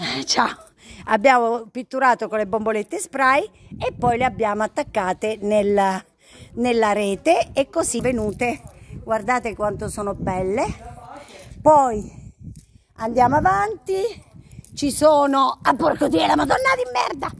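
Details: Female vlogger with Tourette syndrome; sudden involuntary swearing outbursts (vocal tics with coprolalia) interrupt her speech.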